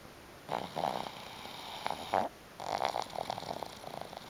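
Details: Black pug snoring in sleep: snorting, rattling snores in uneven bursts, typical noisy breathing of a small flat-faced dog.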